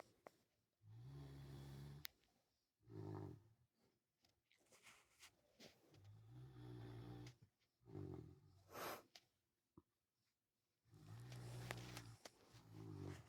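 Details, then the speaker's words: Pet dog asleep, snoring away; low rumbling snores in irregular bursts about 12 a minute with quiet gaps. Snoring. "Jeepers creepers. Pally snoring away. Okay."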